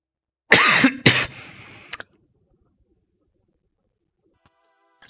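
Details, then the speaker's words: Person with a cold who suspects coronavirus: two loud, harsh coughs followed by a brief throat clear, then silence. "I have I think I have the Cordova virus to sound like [ __ ] I have a cough come on cold meds"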